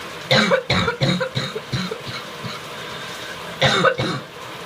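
Several loud, harsh coughs in bursts with throat clearing over running-water noise; a wet, productive cough.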